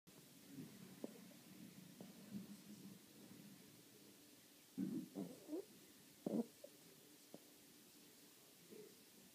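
Quiet room with a few short gurgling, bubbling rumbles in the low range, typical of stomach and bowel noises.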